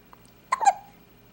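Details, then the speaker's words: A single short, abrupt hiccup with a quick catch of breath in a 6-day-old baby boy; hiccups. "Hiccup. Oh, buddy. You got the hiccups."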